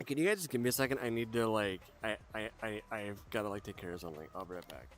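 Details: Adult male who says he largely overcame his stutter years ago but still stutters: stuttering.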